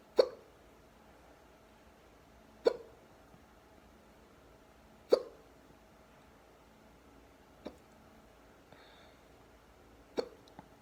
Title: Deep hiccups